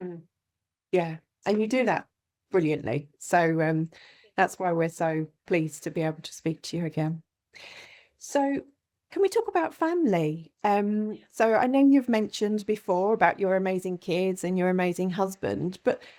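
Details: Adult woman (interviewer); Typical speech.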